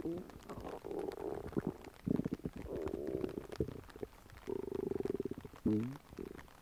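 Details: Low gurgling, bubbling rumbles with squeaky rising tones come and go over several seconds; stomach growling (borborygmi).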